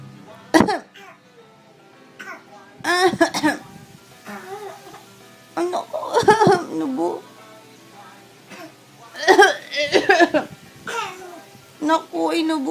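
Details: Mother coughing while playing with her toddlers before their afternoon nap: a couple of short, sharp adult coughs among babbling, giggles and faint music; one toddler imitates her; plain coughing.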